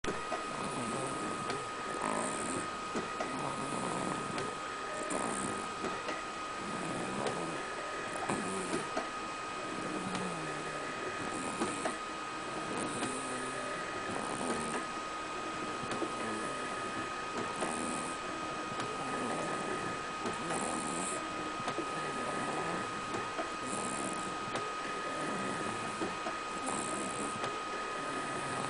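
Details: Snoring pet: soft, rhythmic snoring from a sleeping animal at about 20 breaths a minute, over steady electrical hum.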